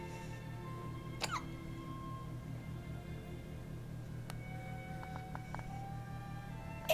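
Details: Six-day-old baby girl who hiccups constantly: several brief, sharp hiccup sounds spaced a second or more apart over soft background music; infant hiccups.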